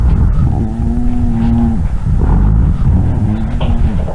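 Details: Low, snoring, sustained musical tones run through the breath sounds over two breaths: rhonchi, from secretions in the larger airways, in a breath-sound quiz for emergency medical technicians where respiratory specialists confirmed the answer.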